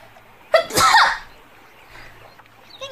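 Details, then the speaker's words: Sneezing in a girl feeling under the weather, tagged allergies and sinuses: a single sharp sneeze, a quick catch of breath then a burst of air and voice, followed by quiet room sound. "okay I got to sneeze bless me bless me"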